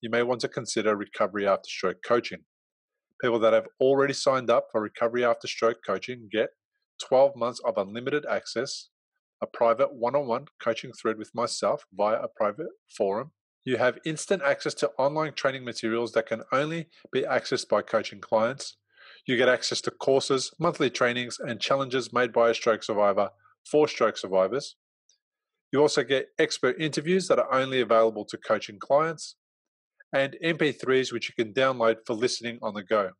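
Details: Adult male speaker; normal speech.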